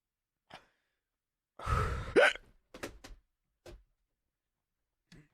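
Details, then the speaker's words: A man gets hiccups while starting to record a reaction video: short, abrupt hiccups with sharp intakes of breath and one louder gulping hiccup; an ordinary bout of hiccups. "I have the hiccups. Oh my god. Okay. All right. All right. We're just gonna We're going to do the video with the hiccups."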